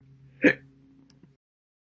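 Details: Single hiccup, one of several quiet, loud and slow hiccups recorded in one day: a short, sharp catch of breath with a soft voiced click, then quiet; hiccup.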